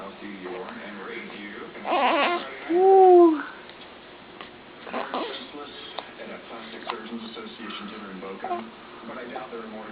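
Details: Brief high fussy cry with rising and falling pitch from a 5-day-old baby boy with hiccups, then soft babbling-like sounds and quiet room noise.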